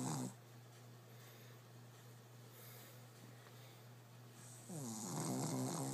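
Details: A shih tzu sleeping on his back under blankets with his head on a pillow, snoring like a human: a low rumbling snore on the in-breath, then quiet breathing and another snore beginning.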